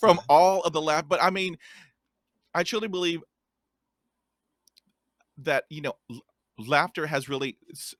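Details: Stuttering in a podcast host who describes himself as a person who stutters and has a speech impediment.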